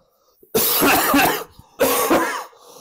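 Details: Tren cough: two harsh, forceful coughing bouts after an oil-based steroid (trenbolone) injection enters a small vessel, a post-injection oil microembolism cough.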